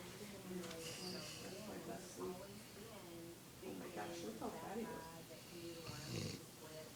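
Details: Loud, rough, snorting snores repeating with each breath from a sleeping dog, with faint talk in the background.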